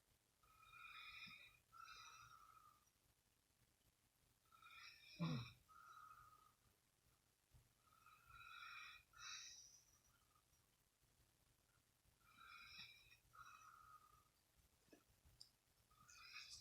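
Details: Boyfriend's snoring: quiet snoring breaths about every four seconds, roughly 15 a minute, with one louder snort over a faint room hum.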